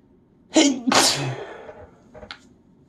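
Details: Person mostly recovered from a week-long cold, tired: a quick in-breath, then one loud explosive sneeze and a small follow-up sound, a single sneeze.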